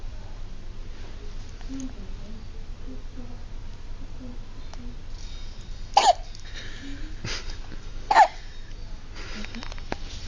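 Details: Baby boy with hiccups: two sharp, brief hiccup sounds about two seconds apart over quiet room noise; ordinary hiccups.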